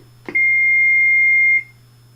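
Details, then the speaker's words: AED training demonstration: a button click, then a single steady high-pitched beep lasting about a second as the defibrillator powers on, before it gives voice prompts. "so I'm going to push the power button and as soon as I push the power button the AED is going to immediately start to give commands"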